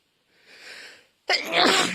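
A short wind-up inhale followed by one loud, forceful sneeze.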